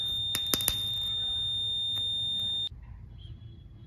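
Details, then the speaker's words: Steady high-pitched electronic tone with crackling pops, stopping abruptly, from a monopolar electrocautery unit in cut mode cauterizing a crushed vessel during an oral implant surgery bleeding-management demonstration; the vessel was injured for demonstration and was not bleeding. "now we have crushed The Vessel and now we have to cauterize it so in the cut mode only I'll just start cauterizing"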